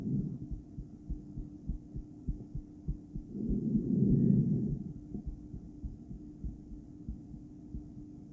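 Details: Adult female's own heart via stethoscope during breathplay (breath-holding): muffled, unevenly spaced paired beats with a longer pause and loud breath noise; intermittent ventricular bigeminy, poor stethoscope placement.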